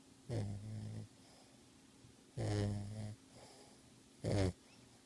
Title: sleeping with her eyes open and snoring.